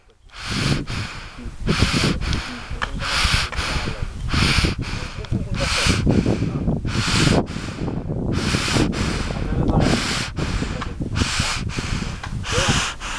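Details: Cattle in Bhandara district, Maharashtra, India, with snoring disease caused by Schistosoma nasale: loud, harsh, noisy breaths about 23 a minute, a snoring-type sound from nasal obstruction, outdoors; snoring respiration.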